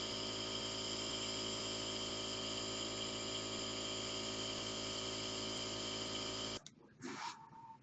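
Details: Steady mechanical buzzing hum of a jet nebulizer compressor during an asthma breathing treatment, used twice daily, device held in the patient's lap while sitting upright; hum stops abruptly near the end. Normal jet nebulizer running.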